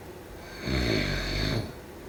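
A single low, rattling snore lasting about a second over faint room hiss; snoring.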